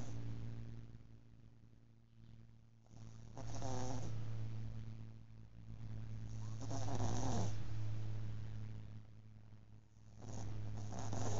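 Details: Pet snoring: soft, slow snorting snores about every three to four seconds over a steady low hum.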